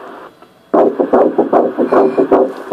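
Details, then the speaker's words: Ultrasound at about 7 weeks of pregnancy: rapid rhythmic whooshing pulses of an early fetal heartbeat, about 150 beats a minute. "do you see a baby definitely early yeah right in there we see that heartbeating you"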